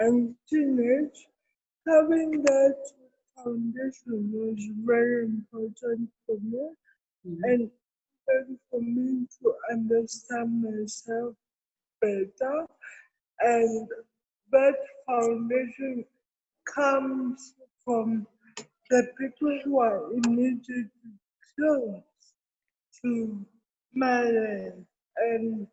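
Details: Adult woman with cerebral palsy present since birth, given extra time in an interview so she can be heard clearly; dysarthria associated with cerebral palsy.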